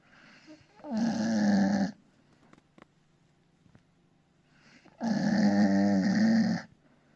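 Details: Bull terrier puppy peacefully napping: two long, loud, rattling snores with quiet pauses between them; snoring.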